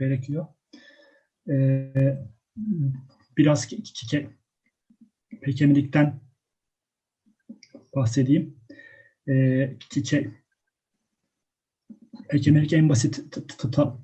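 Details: Adult speaker; stuttering.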